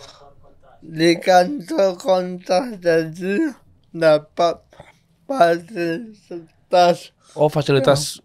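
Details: Adult man born in 1987 with cerebral palsy from birth, attributed to a birth injury during a breech delivery and described as severe; he could not walk until age 9; real speech; dysarthria (cerebral palsy).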